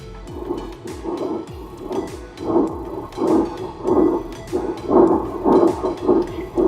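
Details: Fetal heartbeat picked up by a handheld BSM-FD20 fetal Doppler with its 3.3 MHz probe during a function test: rhythmic whooshing pulses at about 110 per minute.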